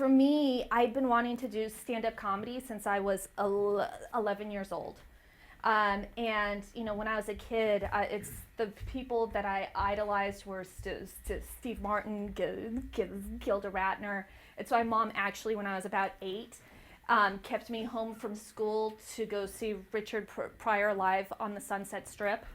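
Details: Adult woman who stutters, a stand-up comedian, talking about her life with stuttering; stuttering.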